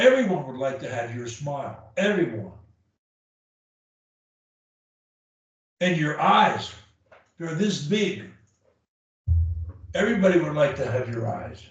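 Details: Adult male; typical speech.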